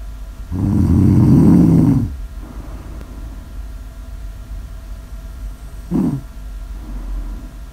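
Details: ASMR snore audio of a person sleeping: snoring.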